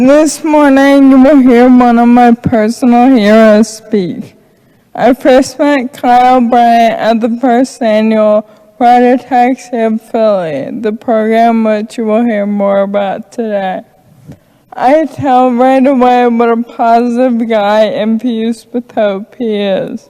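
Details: Adult woman speaking; Normal speech.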